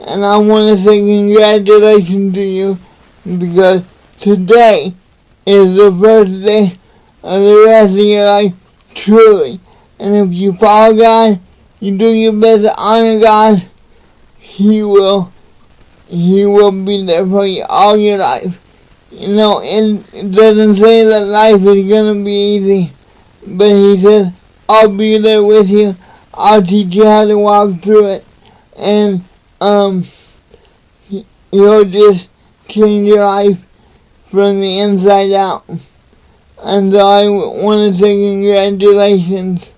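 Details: Adult man with cerebral palsy, motivational speaker, talking to camera; dysarthria (cerebral palsy).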